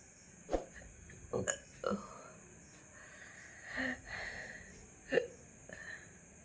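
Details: Hiccups that began suddenly after eating a large luchi, with a gurgling feeling in the throat: several short, abrupt throat sounds at irregular intervals, some burp-like, over a steady background hum.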